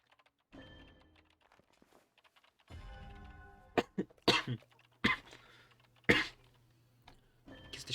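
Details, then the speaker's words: Persistent cough of a streamer testing a new microphone (says the cough has not gone away): several short, sharp coughs and throat clearing over keyboard typing and quiet background music. "кашель у меня к сожалению не прошёл тут никакой микрофон не поможет"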